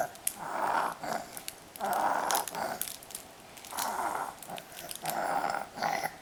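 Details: 5-month-old boy, a happy wheezer: loud, rhythmic noisy breathing with a rattling wheeze on each breath, wheezy but untroubled; parents were worried, and by 9 months it was barely heard, absent in sleep.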